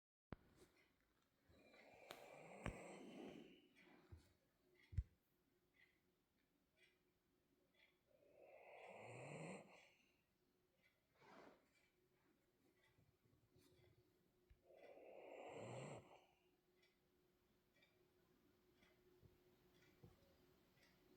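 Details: Female French bulldog asleep and tired, snoring: three slow, rattling snores over about 20 seconds, roughly 9 a minute, in a quiet room.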